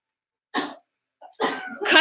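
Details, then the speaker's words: Two short, harsh cough bursts from an adult teacher who is sick with a coughing illness, thought to be shared with a colleague, recorded during an online lesson. "and I think have the same sickness of coughing so if I start coughing really I don't know if you can hear the cough oh there we go"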